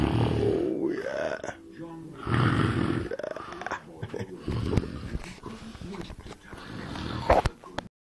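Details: Dog snoring while asleep, recorded close on a mobile phone with some handling noise: irregular loud snorting snores; ordinary snoring.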